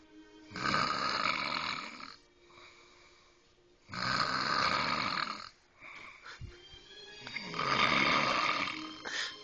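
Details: Adult woman snoring very loudly in her sleep, a snoring problem later fixed: three long, harsh, rattling breaths about every 3.5 seconds, roughly 18 per minute, with quieter breaths between.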